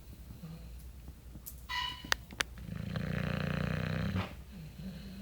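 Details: Animal snoring: low, rumbling, fluttering breath noise ending in a longer snore-like sound over quiet room noise.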